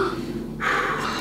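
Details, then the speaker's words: Child seen for sore throat and fever, lungs auscultated from the back: faint room noise, then a single deep, airy breath through the mouth taken on request; normal breathing. "i'll take a careful listen here big breath so as big as you can"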